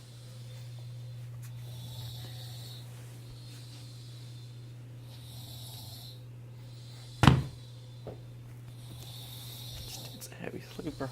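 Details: Soft, rhythmic breathing noises during sleep, about five breaths in ten seconds, with one loud snort over a steady hum; ordinary snoring.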